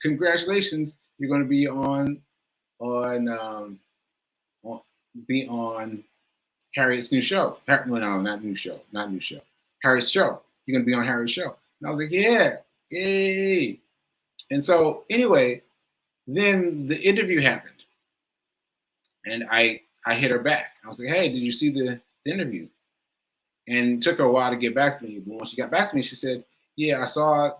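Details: Male speaker who says aphasia is affecting him today and that he lost track of his point; speech shows word repetitions. Aphasia.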